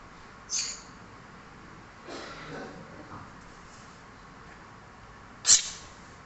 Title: My cute Indian talking parrot is sneezing 🤧